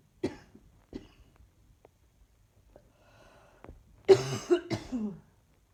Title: Just simply coughing